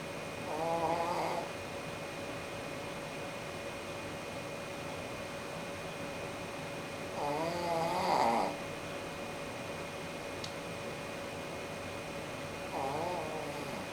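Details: Dog snoring while sleeping in the sun on a chair: three soft, rhythmic, rasping snores about six seconds apart over a steady background hum.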